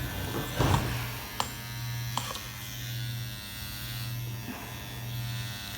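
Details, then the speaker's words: Dr. Pen A7 microneedling pen (12-pin cartridge, 34-gauge needles) set to 0.5 depth, just switched on for self-treatment of the forehead after lidocaine numbing, second session: steady low motor buzz with faint clicks and room noise. "I've already put the needle on point five and I'm just taking out the protective plastic here and turning it on"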